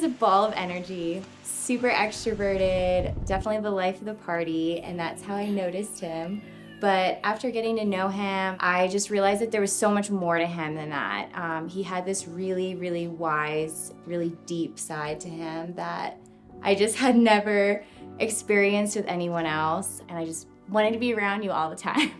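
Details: Adult woman speaking; Normal speech.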